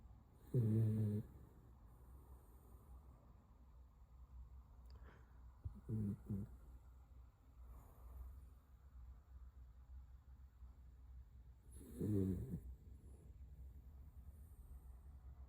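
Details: Sleeping puppy, apparently tired: three short, rattling, low snores spaced several seconds apart, with soft breathing between them; snoring.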